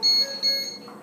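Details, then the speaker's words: Two short, high, piercing electronic beeps from a Fabian neonatal ventilator alarm, signalling that the distal flow sensor needs recalibration. "Mobile किधर है है अरे कोई alarm दे रहा है"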